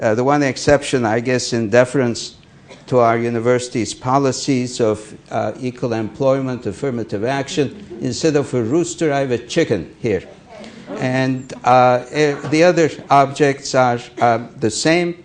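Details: Adult male speaker; Normal speech.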